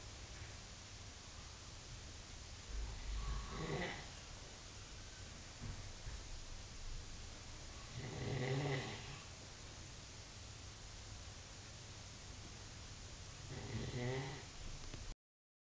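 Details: Man snoring at a gathering: low rumbling snores on each breath in, about every five seconds (roughly 12 a minute), against steady background hiss.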